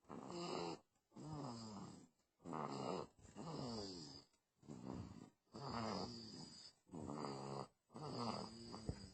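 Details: Loud snoring in a sleeping 2-month-old baby: rough, rattling breaths in repeated cycles of about a second each with short pauses between.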